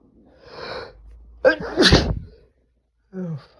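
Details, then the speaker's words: Man sneezing on New Year's Eve after taking chhikni snuff: a rising inhaled build-up, then one forceful sneeze and a brief vocal sound; an induced single sneeze. "I'm gonna sneeze. Oh, fuck."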